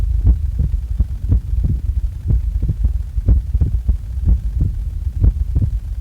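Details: Own heart sounds recorded just after waking up: steady, low, paired thumping beats at about 60 a minute with no obvious extra sounds; normal heart sounds.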